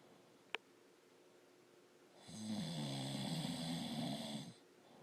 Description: My husband snoring this is why women are so worn out all the time.